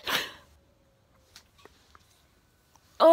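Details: A single sharp, explosive sneeze, then quiet with a few faint sniffs; the sneezer says the sneezes seem to be getting more intense and notes more sneezing when there is a lot of noise around.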